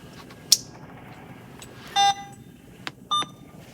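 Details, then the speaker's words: BD Alaris 8100 large-volume infusion pump training demonstration, starting a secondary cefazolin infusion at 100 mL/h after opening the roller clamp: two short electronic beeps with a few soft clicks in a quiet room. "The one that's the first one we hit so we're going to push and twist open our roller clamp and then we're going to press Start."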